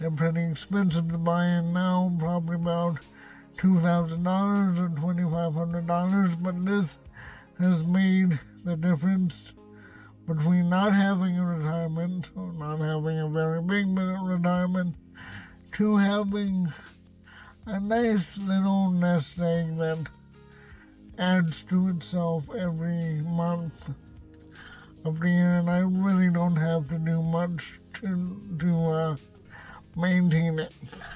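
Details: Adult male with cerebral palsy, who says he has a speech impediment, speaking in his car; dysarthria (cerebral palsy).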